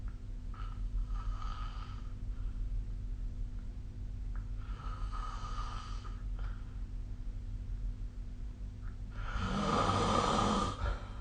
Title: 🐽 いびきの音 / Snoring Sleep Sound 2025/05/15